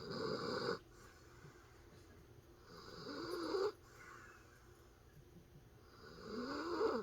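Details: Senior dachshund snoring while asleep with eyes open: rhythmic rasping snores, about 18 breaths a minute, with quiet pauses between.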